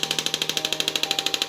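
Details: New-model shockwave therapy machine on demo, set to 500 count, applied to the operator's own body: rapid, regular sharp clicking pulses, about twelve a second; shockwave device firing.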